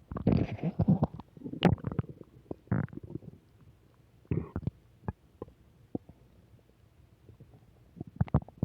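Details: Low gurgling rumbles and bubbling pops from the belly, loudest at first then trailing into scattered clicks; ordinary stomach growling, bowel sounds (borborygmi).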